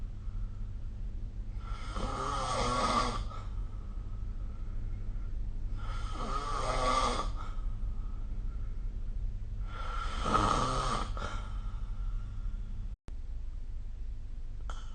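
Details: Snoring during sleep recorded with the SnoreLab phone app: three loud, rough snores on inhalation, about every four seconds (roughly 15 a minute), over a steady low room hum.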